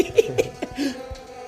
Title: KOMPILASI BATUK ZERO LOGIC TERBARU PART 1